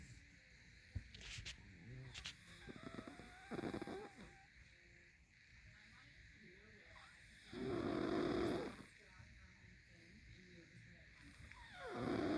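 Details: Loud, rough snoring with long rattling breaths at about 15 a minute against steady room noise, recorded 10/31/19: heavy snoring.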